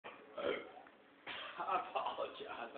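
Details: Person showing a hiccup-and-burp combination ("hiccurp"): two deep, drawn-out throaty belches, the first with a hiccup-like catch; burping, release of swallowed air from the stomach.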